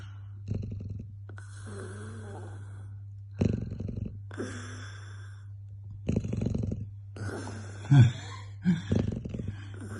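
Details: Dog fast asleep after a long day: low rattling snores on the in-breath alternating with softer whistling out-breaths about every three seconds; dog snoring.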